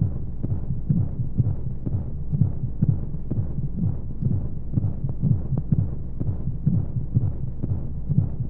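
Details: Womb-sound sleep aid for babies: steady low thumping heartbeat, about 125 beats a minute, with a whooshing flow background, as heard from inside the womb; heartbeat.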